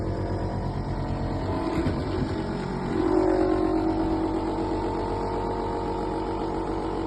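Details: Portable tabletop suction machine (aspirator) running in a demonstration, drawing from a bucket of water instead of a patient: steady motor hum rising as fluid is drawn in, with the vacuum gauge climbing to about 600–650.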